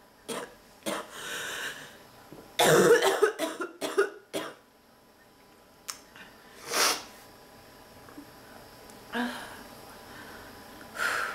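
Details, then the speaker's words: Persistent coughing fit of repeated harsh coughs, some tightly clustered, with throat clearing and breaths, in a sick adult woman with a non-stop barking cough, blocked nose and back pain from coughing. "I can't take it my nose I'm coughing ah kicking my ass"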